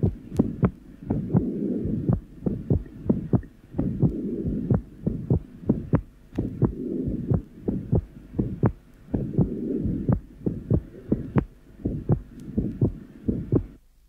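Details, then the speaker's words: 11-year-old boy with atrial septal defect, third left intercostal space, breathing with sinus arrhythmia: a split S1 with a soft mitral component before a loud, delayed tricuspid component, plus a pulmonary ejection systolic murmur and widely split S2. "the soft mital component will only be heard if the listener concentrates on the period immediately preceding the obvious and quite loud tricuspid component"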